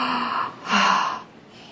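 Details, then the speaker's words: A couple of deep, forceful breaths in and out by a 7-year-old girl with epilepsy diagnosed about 4 years ago, performing hyperventilation as an activating procedure during her EEG to bring out abnormalities. "So, in a classic EEG, the child hyperventilates for 4 minutes and because that might bring out abnormalities, allowing us to make the diagnosis."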